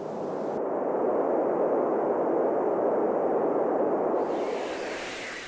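A steady, very high-pitched whine over a loud low rushing roar, a simulation of one person's tinnitus.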